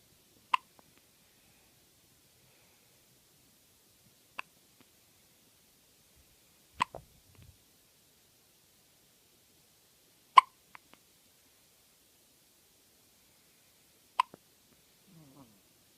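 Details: Newborn baby with hiccups: five sharp, brief hiccup clicks about every three to four seconds in a quiet room.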